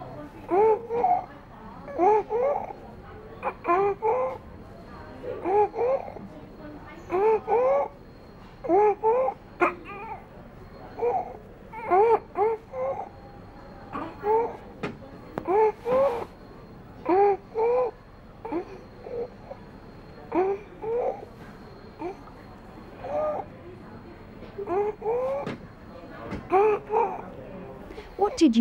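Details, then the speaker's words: Stridor in a child, WHO IMCI training exercise: a harsh, high-pitched crowing noise recurring with each breath in, judged as stridor rather than a simple cold or other respiratory noise. "we heard a harsh noise when was breathing in therefore we decided that does have stridor"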